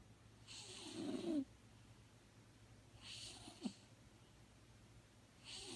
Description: Maggie is 19-1/2 years old, and has snored her entire life.